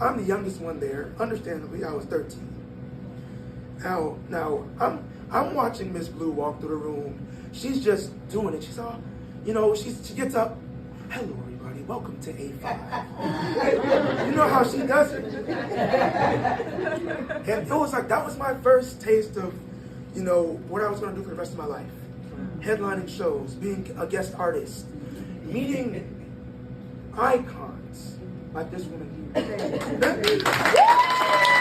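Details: 22-year-old man born prematurely at about one pound, vocal cords having to develop as he grew and still not closing all the way; breathy voice from incomplete vocal fold closure.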